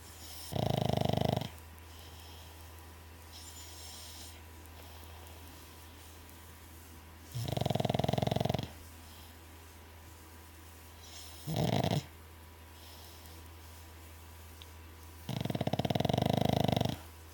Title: Nemo snoring